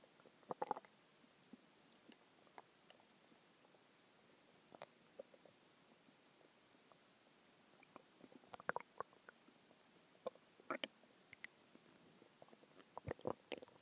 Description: This was a few hours after a huge meal at IHOP. I had the big cheeseburger, fries, three eggs, a few onion rings, a cheese stick, and some chicken tenders.